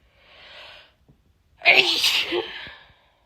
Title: Loud female sneezes 🤭